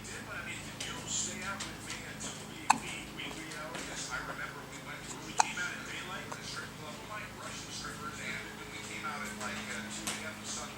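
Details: A person with hiccups: two sudden sharp clicks about three seconds apart over background television or talk; hiccups.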